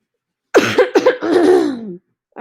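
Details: Adult woman about two weeks into COVID-19, cough no longer productive: four quick dry cough bursts then a brief voiced throat sound; non-productive dry cough.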